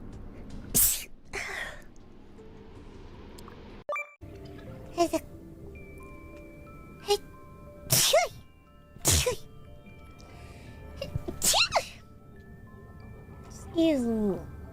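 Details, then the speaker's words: Compilation of sneezes from different VTuber livestreamers: a run of about six sharp sneezes cut together over soft background music; sneezing. "want to sneeze? Oh, wait. Oh, I'm going to sneeze. Pardon me."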